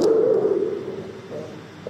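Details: Rhonchi heard with a stethoscope on the chest during a respiratory examination lecture, as in chronic bronchitis or cystic fibrosis, usually clearing after coughing.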